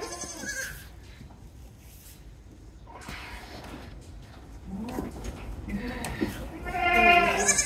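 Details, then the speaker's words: Goat doe in a long, difficult labor (dystocia) with a poorly positioned breech kid being pulled out by hand; the kid was stillborn. She gives strained, rising bleats and grunts amid rustling while pushing, vocalizing in distress. "as I was pulling on that baby it got really scary you guys uh there was a point there was a point where I really thought if I pull much Charter I'm worried something's going to break which is just horrifying"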